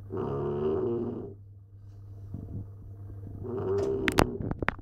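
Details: A sleeping Staffordshire bull terrier snoring: two low, rattling snores separated by a quiet pause, with a few clicks and knocks at the end.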